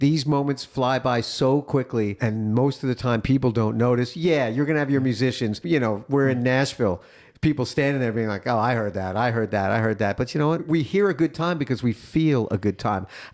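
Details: Adult speaker, podcast conversation; Normal speech.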